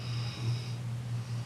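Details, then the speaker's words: Pet dog sleeping in the background, giving a low, steady rumbling snore with a faint high tone in the room; snoring. "Can you hear my dog snoring in the background? Pretty awesome. She's definitely social distancing herself."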